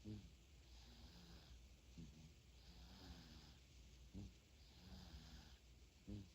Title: 3개월 아기가 코고는 모습, A 3-month-old baby snoring #아기, #3개월, #baby, #cute, #코골이